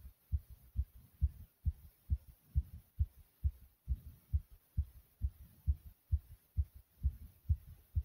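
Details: Fast heartbeat after exercise, recorded after nearly 100 jumps in place: strong, regular, low lub-dub thumps at about 130 beats a minute.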